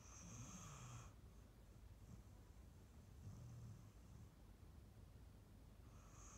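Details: Rescue Staffy Ridgeback cross female dog, born 2012, asleep and dreaming on a sofa, relaxed after a long walk and a big meal: soft, low rumbling snores with a faint high whistle at times; ordinary sleep snoring.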